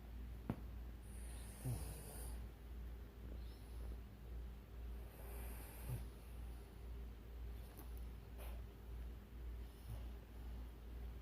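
Soft, rhythmic low snuffling snores with occasional snorts against a steady low hum; a sleeping dog snoring.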